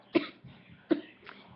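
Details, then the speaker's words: Two sharp, separate dry coughs less than a second apart, each followed by a softer throat sound; adult coughing, feeling in need of a cough drop. "dying oh God I need a cough drop"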